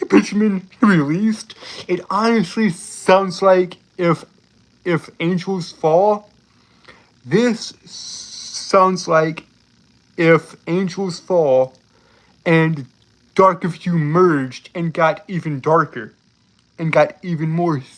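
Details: Adult male with a self-reported speech impediment who struggles for a long time to get out a word; speech disfluency (speech impediment).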